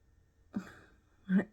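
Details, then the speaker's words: Snoring from a small dog in a quiet room: two brief rough, snorting breath noises less than a second apart. "you guys hear my little dog snoring he's I have my old old one sitting on my bed and then my other one sitting underneath my chair right here and then he's starting to snore"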